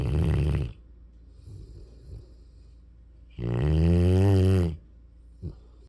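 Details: Mastiff/Rottweiler-mix puppy snoring while asleep: two loud, low, rattling snores separated by quiet breathing, ending with a short snort.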